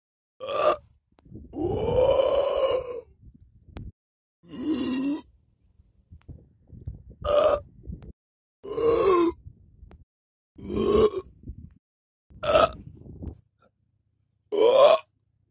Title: Burp at dyke 😎 || Rülpsen am Deich 😎